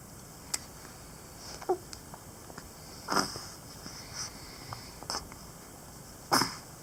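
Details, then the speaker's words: Hiccups in a young girl who gets them often: recorded while she was awake. "I was just recording her for random video footage. She has hiccups again."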